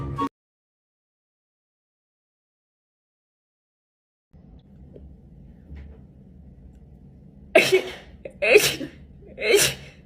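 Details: Female sneezing on TikTok: after a quiet stretch, three sharp sneezes about a second apart in a burst.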